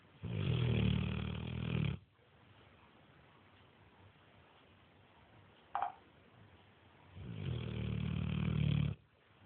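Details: Neapolitan mastiff sleeping, with two long, deep, rumbling snores about seven seconds apart and quiet between; snoring.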